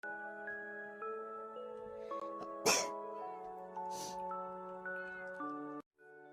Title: Hololive Sneeze Compilation 22 #shorts